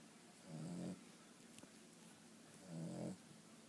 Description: He does this all night and get louder!